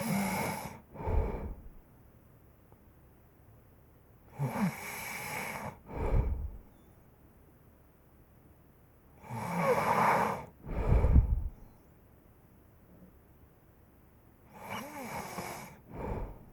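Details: A sleeper snores rhythmically in a quiet room, with a noisy rasping breath followed by a low rumbling snort, about 14 a minute: snoring.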